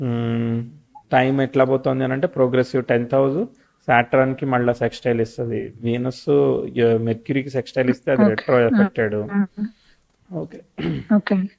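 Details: Adult male speaker; normal fluent speech.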